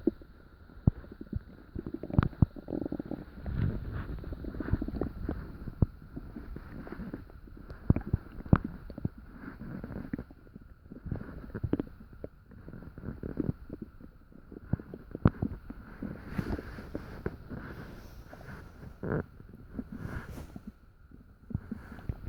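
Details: Stomach noises in the middle of the night while still digesting dinner: frequent low gurgles, rumbles and sharp clicks from the abdomen, active bowel sounds (borborygmi).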